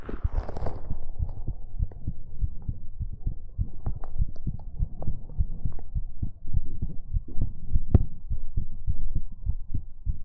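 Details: Steady, regular low heart thumps in paired beats, close-miked with faint hum behind them, recorded for heartbeat ASMR: normal heartbeat.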